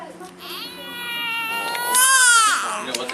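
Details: Newborn girl on her day of birth, during a newborn hearing test she passed: a strong, clear, rising cry lasting a few seconds, with a steady tone and no hoarseness; a normal vigorous newborn cry.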